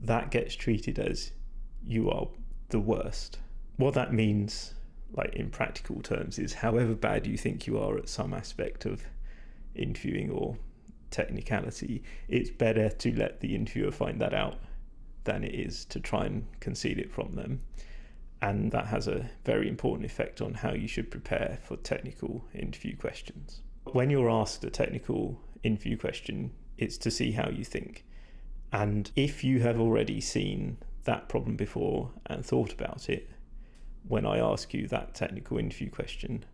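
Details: Male speaker with vocal fatigue from prolonged talking without drinking enough; he describes his voice as degraded, stressed and not at its peak condition.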